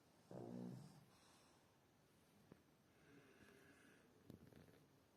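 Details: A person snoring loudly: one loud, low, rattling snore, then quieter breathing with faint room noise; snoring.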